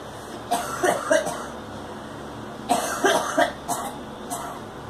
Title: Girl coughing